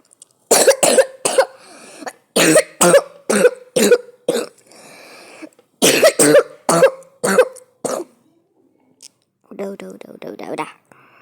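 Repeated sharp cough bursts in clusters, about fifteen in total, followed by a brief stretch of speech.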